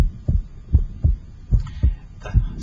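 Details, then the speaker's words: Electronic stethoscope at the pulmonic area: regular heartbeat about 75 a minute, second sound splitting wider on inspiration and single on expiration; physiological splitting of the second heart sound. "I now move over to the pulmonic area and this is where I concentrate on listening to the splitting of the second hard sound in normal patience the splitting of the second heart sound should only only be heard in the pulmonic"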